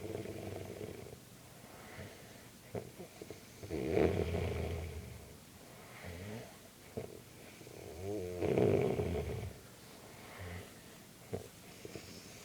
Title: snoring or bear rape?